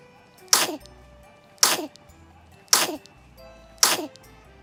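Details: A baby sneezing: four small, sharp, breathy sneezes at an even pace, about one per second, with faint music in the background.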